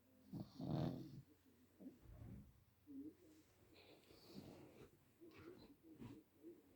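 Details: Pug-like dog sleeping next to a fire heater, with soft irregular snuffling snores and a wheezy rasp on breathing in; snoring.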